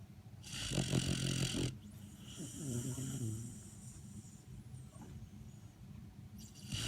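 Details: Labrador snoring in sleep: loud, rumbling snores with a harsh rattling edge on each breath, then quieter snuffly breathing.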